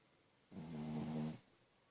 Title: My dog snoring